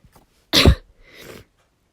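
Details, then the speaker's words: Adult female inducing sneezes, nose running: a single sharp sneeze followed by a softer breathy sniffle; sneeze. "uh yeah this is working i'm going to sneeze ah i'm gonna sneeze i'm really snowy i can feel myself getting really wet as well"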